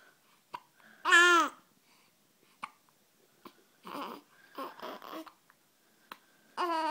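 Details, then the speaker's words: Annoyed baby with hiccups: short, sharp hiccup clicks recurring among cries and fussing sounds. "You hate your hiccups? Huh? It's okay, it's okay."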